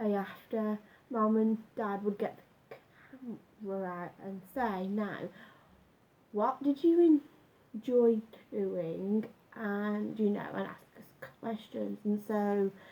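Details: Adult man with a stammer since about age nine after school bullying, much worse when younger, now slight; had breathing-focused speech therapy and still practises the techniques; stuttering.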